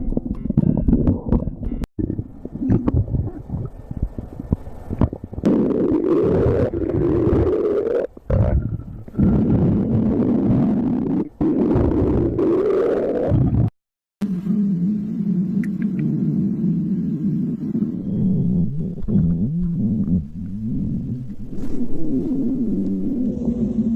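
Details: Girlfriend's stomach: loud, drawn-out gurgling and rumbling with rising and falling pitch; stomach growling (borborygmi).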